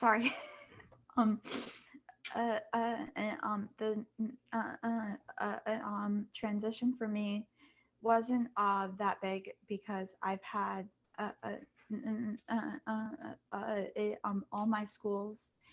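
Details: Student who stutters, on a panel of kids, teens and adults who stutter, back at school after online classes; says masks make them even harder to hear. Stuttering.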